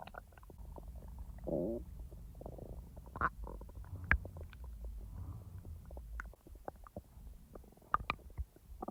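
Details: Real stomach rumbling from normal digestion, recorded over the belly, not in real time: irregular low gurgles, bubbling rumbles and short squeaky bursts, ordinary bowel sounds (borborygmi).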